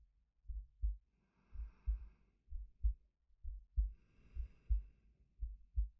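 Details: Adult male heartbeat with breathing, recorded as a sleep aid: steady paired low thuds at about 65 beats a minute with soft breathing in the background; regular, normal heartbeat.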